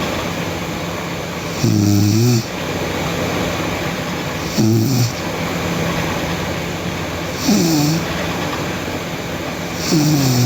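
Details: Sleeping girl snoring loudly: rough snores on each inhalation, about four in ten seconds, over steady background hiss.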